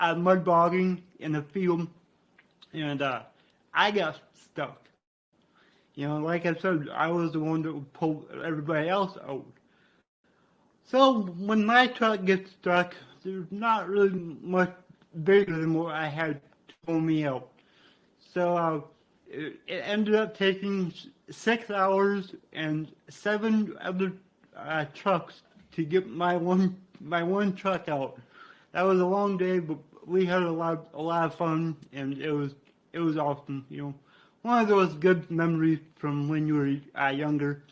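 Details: Man with cerebral palsy from brain damage after being born without heartbeat or breathing and being revived; he describes a resulting speech impediment; dysarthria (cerebral palsy).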